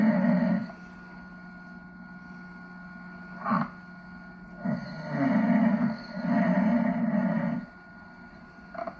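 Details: Father snoring while asleep in a shared room in Venice, 1989, in a montage edited to remove gaps: loud, rough, rattling snores in several long bursts with quiet gaps between them.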